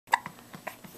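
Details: Hiccups; first recorded hiccups.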